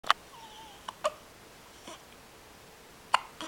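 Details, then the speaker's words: Someone with hiccups in the morning: several brief, sharp, irregular catches of breath over quiet room noise; hiccups. "somebody's got the hiccups this morning."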